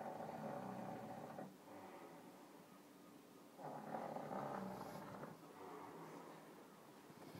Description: Monkey covered in shaving foam snoring after eye brow removal